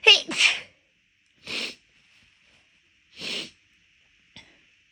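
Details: Induced sneezing while the nose was already bothering the person midway through a walk: four quick, forceful big sneezes, two back to back, then two spaced about two seconds apart, ending with a faint sniff.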